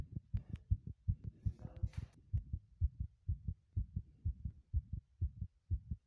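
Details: Fast, steady double heart thumps at about 125 beats a minute with a brief rustle early on, recorded while running in a bathroom; quickened heartbeat from exertion.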